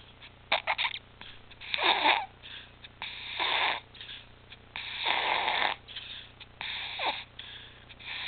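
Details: Infant back on apnea and pulse-oximetry monitors after apnea, stridor and retractions returned: harsh, noisy breaths at about 38 a minute, some with a high-pitched whistling edge, stridor.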